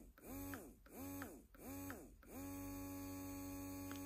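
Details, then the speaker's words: Baby Buddha portable breast pump motor on its first, massage setting: the whine rises and falls in repeated short pulls, then one longer steady pull. "okay so let's turn this thing on the first setting is actually going to be what I call kind of the massage setting but listen to it"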